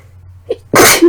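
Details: Sick with suspected flu or cold (sore throat, earlier fever, lightheaded, heavy blood-tinged mucus): a brief catch of breath, then one loud explosive sneeze.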